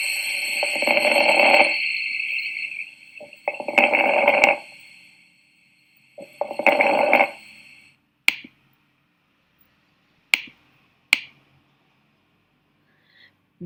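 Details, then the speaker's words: Teaching example of lung crackles, likened to stepping on dry leaves, from fluid in the alveoli: three rough crackling breath sounds over a steady background whine, then a few sharp isolated clicks. "Como ahora en otoño pueden tomar el ejemplo de como si uno estuviera pisando eh hojas secas. Bueno, así. O si ustedes agarran el pelo y se lo pasan en el oído y hacen el movimiento, pueden sentir el ruido crepitante."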